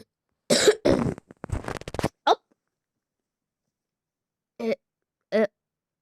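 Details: Cough from a speaker who has just fallen ill: a run of several harsh coughs, then two short voiced sounds after a pause; an ordinary cough during an illness.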